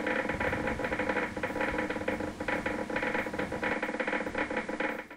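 Irregular, rapid crackling pops from a resting muscle on needle EMG: endplate spikes, a normal finding.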